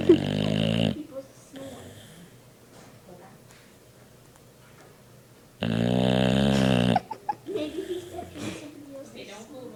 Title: Duke's terrible snore